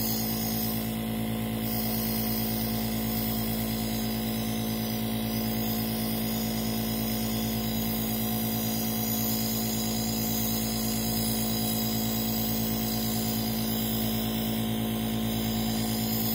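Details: Nebulizer compressor running during treatment for an asthma attack: a steady, loud mechanical hum with a constant buzzing drone.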